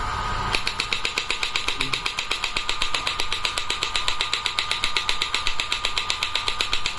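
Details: Biotronix electromagnetic shockwave therapy device with handpiece, energy adjustable up to 200 mJ, started: rapid regular mechanical knocking pulses about 2–3 per second over a steady tone.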